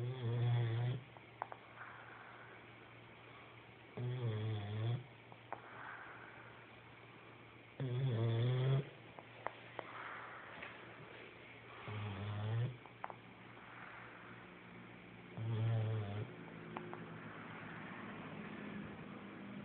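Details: Snoring during sleep: loud, low rattling snores at irregular intervals, about eight a minute, with soft puffing breaths between them.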